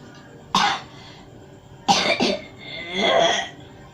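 Three harsh coughs, the last drawn out and wet, then quiet; a productive cough bringing up mucus.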